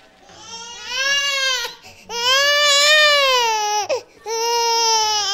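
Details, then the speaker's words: Infant, one of twins, crying from hunger before being fed four ounces of formula: three long, high-pitched cries with sharp breaths between them, typical ordinary hungry crying. "as you hear the baby crying I'm gonna go feed her four ounces"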